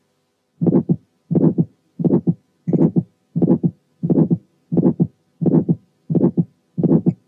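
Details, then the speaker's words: Early aortic stenosis with stiff but mobile cusps: first sound followed immediately by an ejection click, then an ejection systolic murmur, then the second sound. "وفي الحالات دي بنسمع الفيرست ساوند وبعديها على طول ايجكشن كليك ثم الايجكشن سيستوليك مامر ثم السكند ساوند زي الحاله اللي"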